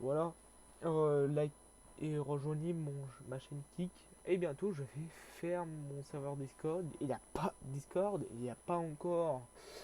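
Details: Stuttering in a young male French-speaking speaker who reports difficulty speaking and fear-related stress when talking.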